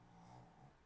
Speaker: If you can hear snoring in the background, that's my dad's dog.